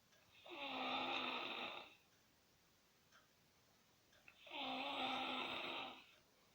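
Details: Sleeping toddler snoring: two drawn-out, buzzing snores on in-breaths, about four seconds apart, with quiet between.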